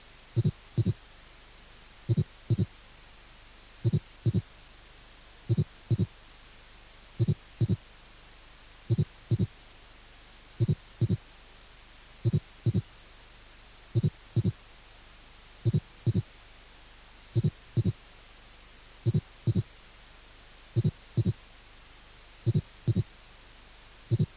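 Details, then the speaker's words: Third and fourth heart sounds together from a cardiac auscultation teaching course: regular low heart sounds in repeated groups, a four-beat quadruple gallop rhythm. "tercer y cuarto ruidos ritmo en cuatro tiempos"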